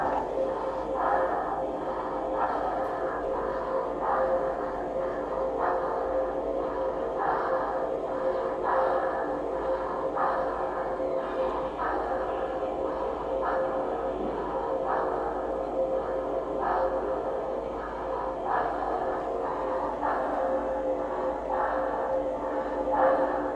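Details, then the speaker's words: Child in casualty breathing fast and regularly, about 40 breaths a minute, without prolonged expiration; contrasted with a wheezy child, pointing to pneumonia. "so what would you say about this child she's breathing fast yeah"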